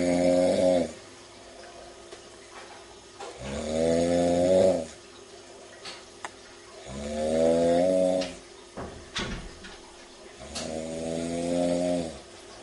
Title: Very Hard Snoring